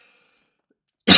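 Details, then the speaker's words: An adult's single abrupt, harsh cough after near silence, cut off at the end; the cough has lingered for several days since Tuesday. "have to excuse the cough there's just it's it's been with me since when did I do the baseball game at Guaranteed Rate uh Tuesday"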